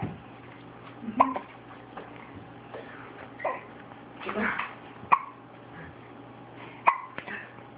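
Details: Infant with hiccups: four short, sharp hiccups over about eight seconds, each a brief catch of breath with a faint voiced squeak, over quiet room noise.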